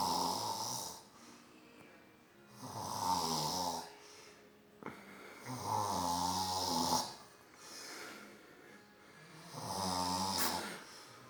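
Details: Stepfather asleep in front of the TV, snoring: loud, rattling snores on each in-breath, about three over eleven seconds, with quiet out-breaths between.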